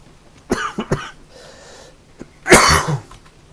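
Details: A gamer has several short, dry, unproductive coughs in quick succession against faint video-game background sound while playing. It is a dry cough with no rattle or wheeze.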